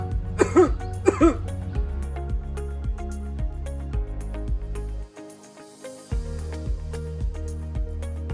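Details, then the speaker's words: Two short acted coughs over background music in a demonstration of proper cough etiquette to prevent spreading disease. "Mari kita mencegah penularan penyakit dengan menerapkan etika batuk yang benar. Begini caranya."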